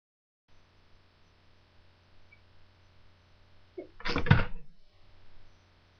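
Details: Female sneezing: a quick intake of breath followed by one sharp, explosive burst in a quiet room; a single sneeze.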